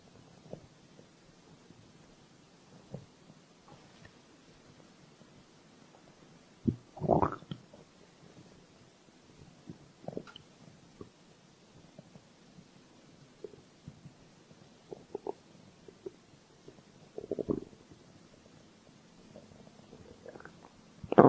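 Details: Scattered low gurgles and rumbles from the belly in a quiet room; ordinary stomach growling, typical of an empty stomach (borborygmi).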